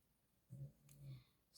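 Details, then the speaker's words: Two low, rumbling snores from a sleeping pet dog in a quiet room, heard faintly behind the speaker; ordinary snoring. "Alors, si vous entendez ronfler, ne soyez pas surpris. C'est ma toutoune qui est derrière moi qui ronfle."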